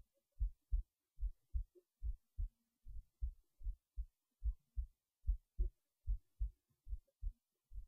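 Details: Soft, regular low thumps at about 73 beats a minute, recorded late at night while resting in bed before sleep; normal resting heartbeat.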